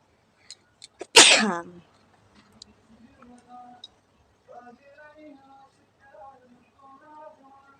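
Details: Sneeze deliberately induced by poking the nose with a stick during a sneezing challenge: a few sharp sniffs, then one loud, forceful sneeze, followed by quiet talking.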